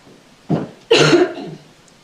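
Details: Two loud, harsh coughs in quick succession, the second longer, from an adult judge with a bad cough that came on over a day, during a courtroom trial.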